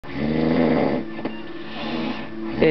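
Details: Snoring recorded late on Christmas Eve 2008, around 12:40, by a man who claims he doesn't snore, with Christmas music playing in the background.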